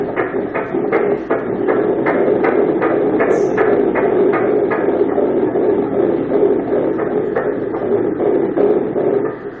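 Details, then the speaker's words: Doppler ultrasound at seven weeks of a twin pregnancy, heartbeat of the right-side twin: rapid, regular whooshing pulses at about 160 a minute: fetal heartbeat. "ó esse barulho é do coração da que está do lado direito seu viu"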